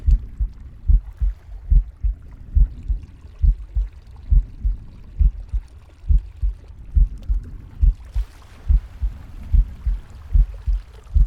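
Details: Captain Pig's heartbeat: steady two-part thumping at about 70 a minute over soft breath noise; normal heart sounds.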